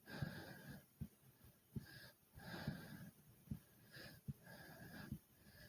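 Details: Deep, rapid, noisy breaths at about 24 a minute, each with a low thump, and a fast heartbeat after 30 jumps in place: hard breathing after exercise, a normal response.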